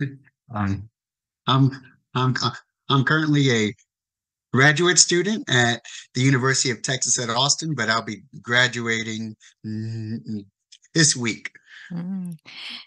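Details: Adult man who has stuttered since age 4, whose father also stutters, and who reports increased core and secondary stuttering behaviors in adulthood, with repetitions and fillers: stuttering.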